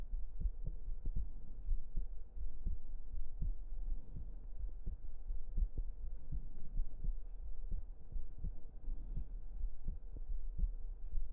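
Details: Close-up ASMR recording of a heartbeat: steady, regular low thumps at roughly 75 beats a minute over a soft low hum; normal heart sounds.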